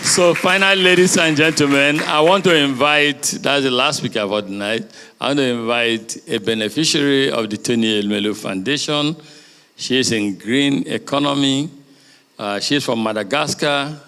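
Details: Adult male speaker, announcer at a conference; Normal speech.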